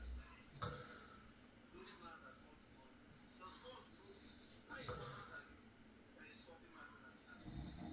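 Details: Two harsh, rattling snores about four seconds apart over quiet room noise, a further snore starting at the end, from a sleeping adult man at night; snoring.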